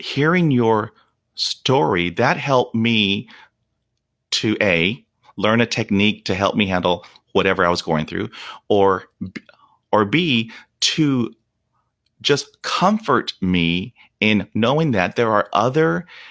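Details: Stuttering in an adult man whose speech deteriorated to 0% fluency after a dog attack at age five (shock/trauma), with blocks during which he turns red and stops breathing; unedited speech; stuttering.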